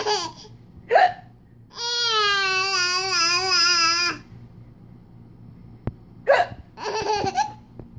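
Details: Mother's hiccups: brief sharp voiced hiccup sounds around a long sung or squealed vocal tone, with a little girl laughing at them; hiccups.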